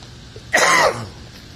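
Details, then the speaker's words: Single harsh cough with throat clearing, fading over about half a second in a quiet room; recorded among house cats, and the speaker remarks there is a cough with a cold. "May ubo tayo mga boss, may ubo. Sipon ubo."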